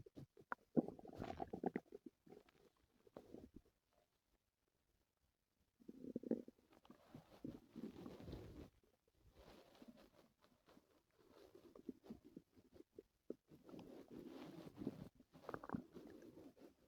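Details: Loud, irregular gurgling and growling abdominal sounds in bursts, separated by brief quiet gaps, from a person whose stomach hurt the previous night; bowel sounds (borborygmi).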